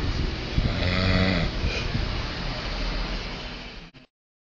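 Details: Snoring from a man described as asleep after getting drunk: loud, rough, rattling snore with low throaty vibration over steady background noise.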